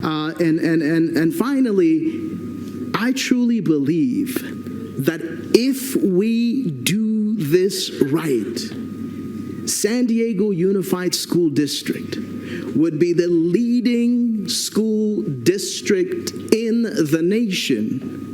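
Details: Adult male speaker; no voice disorder.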